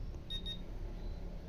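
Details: Autocheck handheld meter for blood sugar, uric acid and cholesterol: two short high beeps signalling the result is ready after countdown, over quiet room noise; cholesterol reading 157, within normal range below 200.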